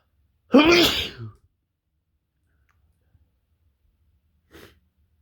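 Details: Sneezing with a cold: one loud, explosive voiced sneeze, then quiet and a faint short exhale.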